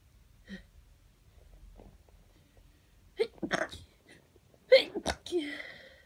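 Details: Couple of sharp, explosive sneezes in quick succession, each preceded by an in-breath, from a congested person with hay fever in the morning before taking antihistamines; sneezing.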